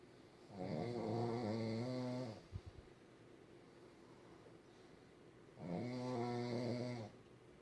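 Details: Pug dogs asleep: loud, buzzy snores on inhalation, two long snores about four seconds apart with quiet breathing between; snoring.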